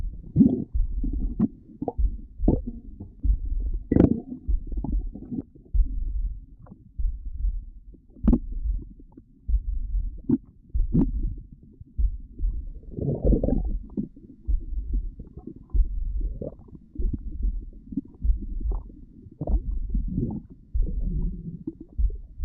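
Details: Stomach growling: low, irregular gurgling and rumbling with short bubbly pops as gas and fluid move through the gut.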